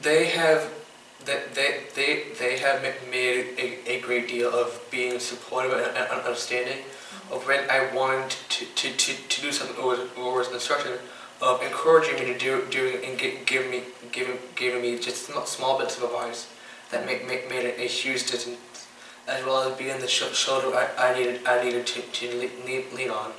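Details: 15-year-old boy with Tourette syndrome, diagnosed by a neurologist in third grade (age 8 or 9), whose tics include stuttering when talking, blinking, coughing and mouth noises; stuttering-like disfluency in Tourette syndrome.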